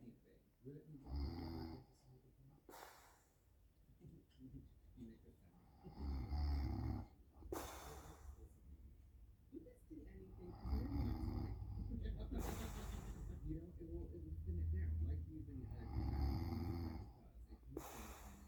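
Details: Snoring during sleep: repeated low, rumbling snores with noisy breathing in a quiet room, ordinary sleep snoring.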